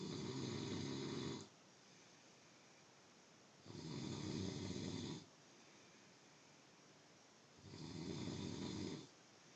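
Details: Loud, rough, droning snores about every four seconds, roughly 15 a minute, with quiet gaps between; steady snoring.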